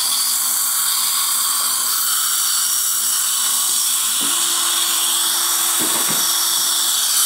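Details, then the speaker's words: Dental implant osteotomy in the mandibular ridge at 1000 rpm for a 5.0x10 ET3 implant: continuous high-pitched whine with water hiss. Depth-marked drills are stopped half a millimetre short. "these are depth cut their set to depth so you don't need to worry about going too deep"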